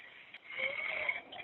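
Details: A caller struggling with breathing on an emergency phone call, a seven-year-old daughter with them: strained, noisy breath with a faint high whistle over the phone line, laboured breathing.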